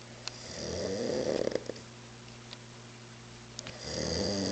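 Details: Drunk adult man (after mezcal) asleep on a couch around 3 a.m.: two loud, rattling snores, each about a second long, separated by a quiet pause; loud snoring that woke the household.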